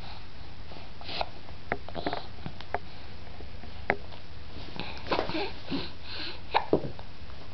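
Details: Baby hiccuping after being made to laugh by her mother: about ten brief, sharp catches and small gasps, irregularly spaced over steady room hum.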